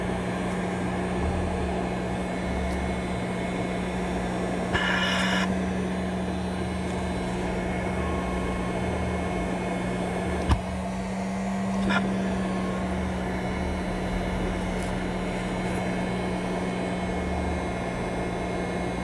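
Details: Respironics CA-3000 Cough Assist mechanical insufflation-exsufflation device running: steady motor hum with a couple of brief hissing bursts of airflow.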